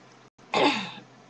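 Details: A single harsh, rasping throat clear from an adult who is still sick with an ongoing illness, four weeks into testosterone therapy; throat clearing.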